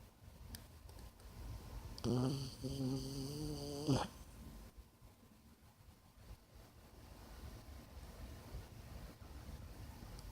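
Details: Snoring in a sleeping pet: one drawn-out, low, rattling snore lasting about two seconds against quiet room noise.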